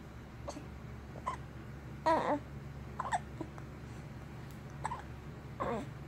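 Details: Baby with hiccups.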